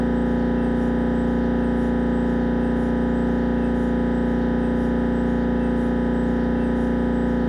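Loud steady mechanical droning with rapid rhythmic buzzing, the gradient noise of an MRI scanner running a head scan.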